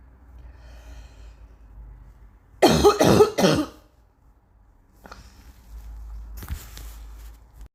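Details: Still coughing heavily: a quick run of three forceful coughs, then quieter breathing and small noises, a persistent cough.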